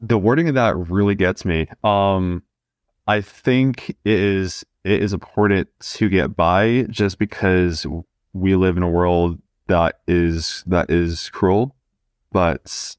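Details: 20-year-old man who has stuttered since about age two: stuttering.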